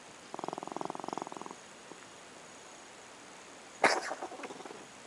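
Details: Cat coughing: a run of quick, even rasping pulses, then one sharp explosive cough with a fading rattle.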